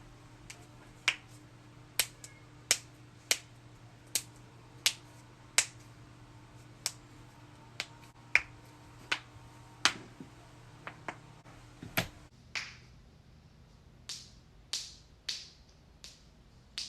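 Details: Joint cracking: a series of sharp, dry pops and clicks over a faint room hum.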